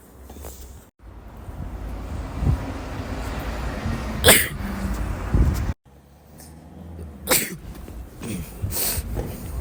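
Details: Young male: two or three sharp, explosive sneeze bursts over a steady low room rumble; sneezing.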